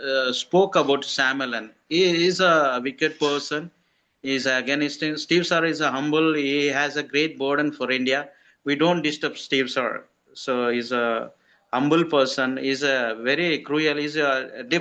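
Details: Adult man speaking; ordinary speech.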